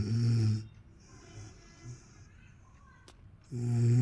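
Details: Two loud, low rattling snores separated by a quiet pause; ordinary snoring in sleep.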